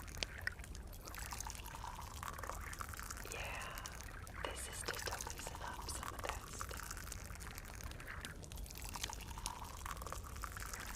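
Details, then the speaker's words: Real physician's ASMR ear exam on an exam bed: soft, steady fizzing and crackling as hydrogen peroxide bubbles in the ear canal. A chemical reaction may feel warm and loosens earwax before suction. Hydrogen peroxide bubbling in the ear canal. "this is like the peroxide stuff I was telling about it's bubbling cuz there's a chemical reaction happening between in ear so yeah you might feel kind of warm see more of it bubbling up"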